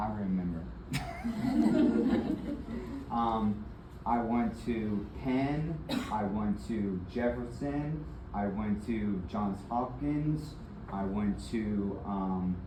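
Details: Adult man with aphasia and apraxia of speech after a February 2024 stroke that left him initially nonverbal with right arm and leg weakness; several further strokes followed; still in speech therapy.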